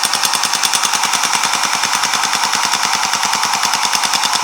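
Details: Loud, fast, steady rattling pulses, about three per second, from a shockwave therapy device at higher intensity over the tender palm and finger area, near the carpal tunnel, treating a climber and carpenter's hand pain.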